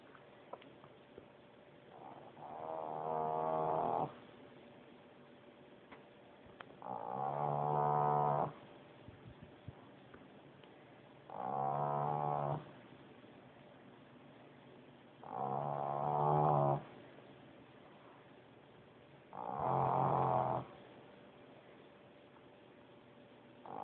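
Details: Pug snoring while her eyes are wide open, lights off; steady buzzing snores about 14 breaths a minute with quiet pauses between.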